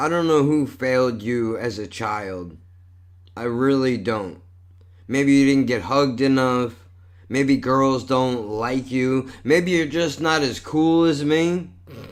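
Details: Adult male with cerebral palsy and multiple sclerosis, a neurological disorder he says affects his speech and involves some body movement: dysarthria.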